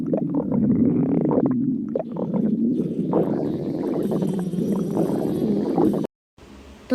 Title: stomach growling